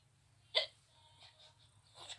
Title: Cute gamer girl has hiccups